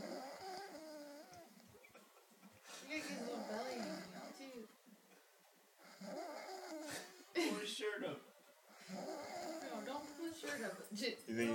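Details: A man asleep after a late night, snoring loudly and irregularly with nasal rumble and snorts while people chat quietly nearby.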